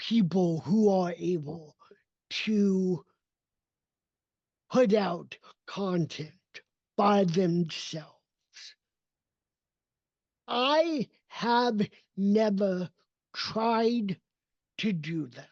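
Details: Adult male with cerebral palsy, a neurodevelopmental disability; voice emerged only at age seven after extensive speech therapy and still needs constant training; dysarthria (cerebral palsy).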